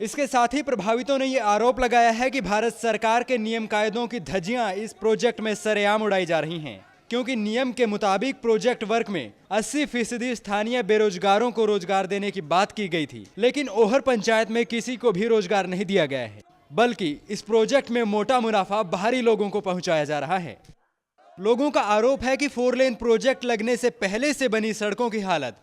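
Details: Adult news narrator; normal speech.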